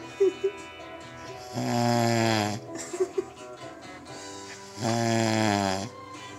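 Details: Two long, loud, buzzing snores with a droning, almost musical tone and small clicks between, from a man's friend passed out asleep, snoring like a lion.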